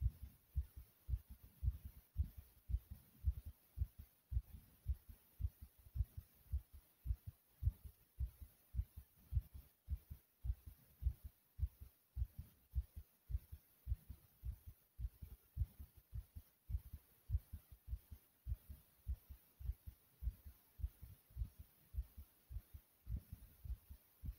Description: In This Video my heart was Loud and Thumpy.